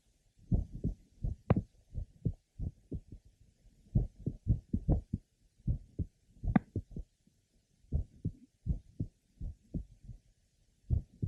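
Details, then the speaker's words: Grandmother with familial mitral valve prolapse, heard at the apex: irregular rhythm with frequent premature beats, mid-systolic click or clicks, and a soft late systolic murmur. "note that she has frequent premature beads she has a click or clicks around mid sisterly and a late apical systolic merma"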